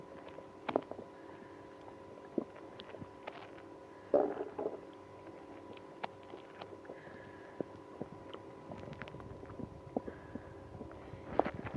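Brief gurgling rumbles and soft bubbling over a steady background hum; active bowel sounds, stomach growling.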